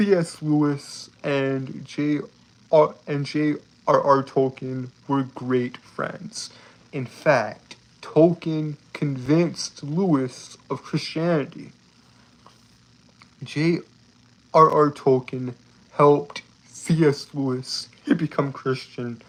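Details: Adult male with a lifelong speech impediment he describes as a disability he has lived with all his life, heard stuttering in casual talk; stuttering.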